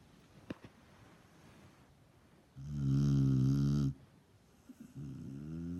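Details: Snoring: one deep, loud, buzzing snore, then quieter breathing.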